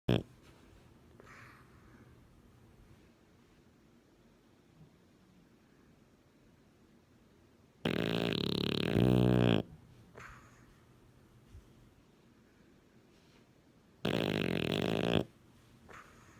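Two loud, buzzing snores about six seconds apart against quiet background breathing.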